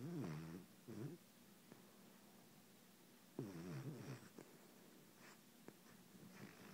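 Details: Female dog snoring at night while asleep, loud enough to keep the owner awake: two rough, buzzing snores about three seconds apart with quiet breathing and faint clicks between; snoring.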